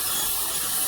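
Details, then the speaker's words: Surgical bur removing buccal distal bone around the crown of a deeply bone-impacted lower left wisdom tooth near the inferior alveolar nerve, after lingual bone removal: steady high-pitched grinding hiss with irrigation; bur drilling bone. "After removing the lingual bone, then we proceed to remove the rest of the buccal distal bone around the crown."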